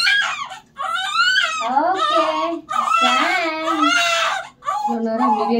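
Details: Newborn, normal delivery, crying during a bath in hospital: loud, rising and falling cry in long bursts with brief breaths between, in a small room; an ordinary healthy newborn cry.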